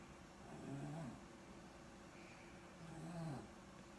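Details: Two low, buzzing inspiratory snores about 2.5 seconds apart from a sleeping hospitalized girl, sedated with Ativan, with swollen vocal cords and airways after pediatric ICU, never snored before: snoring from a narrowed upper airway.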